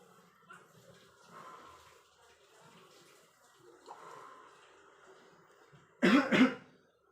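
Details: Nursing student role-play demonstrating effective coughing and deep breathing with a male patient: quiet breathing and soft murmuring, then one strong, deliberate, practised double voluntary cough near the end.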